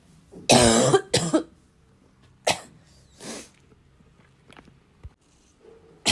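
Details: Persistent coughing fit with snorting and throat clearing; two harsh chesty bursts, then quieter coughs; described as a little wheezy, a little chesty and barking as usual: chesty cough.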